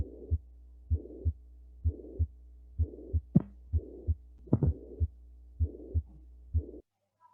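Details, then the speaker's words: Heart sounds at about 64 a minute with a soft blowing noise filling the gap between the first and second sounds: a holosystolic murmur, played as a skills-lab teaching example. "Oke, di sini kalian teman-teman akan dengerin suara hollow sistolik murmur dan ada suara jantung juga di sana."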